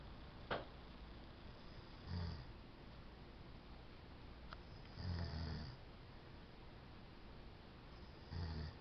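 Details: Adult man, a newly married groom on his honeymoon, snoring loudly at 7:30 am; he denies that he snores. Low rumbling snores recur every few seconds, about 20 a minute, in a quiet room.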